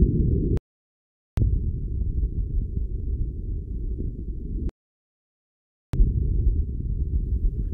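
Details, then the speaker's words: Normal vesicular breath sounds in a physiotherapy teaching demo. The stethoscope is on the costal and subaxillary zones with the arms raised, comparing sides, which should match in intensity and pitch. Soft, low rustling breath with gaps and chest-piece clicks. "debemos percibir el murmullo vesicular con la misma intensidad y tonalidad en ambos lados"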